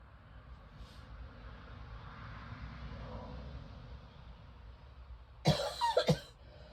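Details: Quiet room hiss, then a short run of about three harsh, heavy coughs from a person whose chest feels like cement with congestion; a chesty cough.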